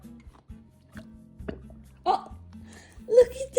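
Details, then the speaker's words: Golden retriever puppy burping after breakfast: two short, throaty burps, a good first burp then a smaller one, over steady background music. "You had a really good first burp. Oh, another baby one."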